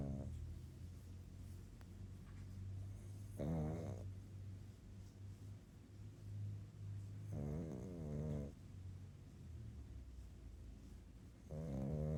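Low, steady rumbling breaths with snorting bursts about 16 times a minute; a flat-faced dog snoring as it falls asleep.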